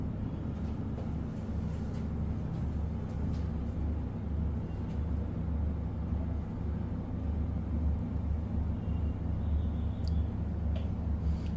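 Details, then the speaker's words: Automatic digital blood pressure monitor inflating on a person's arm, cuff tightened to allow one finger: a steady low motor hum as it inflates and measures; reading 127/77, pulse 80. "उसके बाद BP cup को इसको चालू करना है। जैसे ये चालू हो जाएगी। इसमें इन्फ्लेशन अपने आप स्टार्ट हो जाएगी। ये जैसे कि अभी इनफ्लेट हो रहा है और इसमें प्रेशर दिखा रहा है।"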